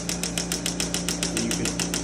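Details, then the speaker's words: Shockwave therapy device switched to a lower frequency for deeper penetration: rapid regular mechanical percussive pulses, about seven per second, over a steady motor hum. "I want to go deeper so you'll you'll lower frequencies you get a lot deeper penetration so I'm going to go lower on the frequency now"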